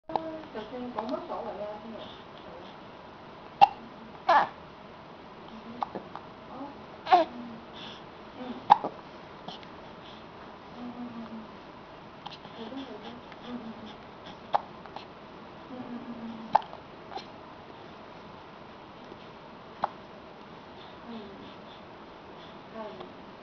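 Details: Infant hiccups: sharp, brief popping clicks like suction cups recurring every few seconds amid soft babbling.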